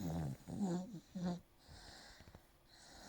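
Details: Snoring from a sleeper lying on someone's lap and dreaming: three short, rough, buzzy breaths in under two seconds, then quiet breathing.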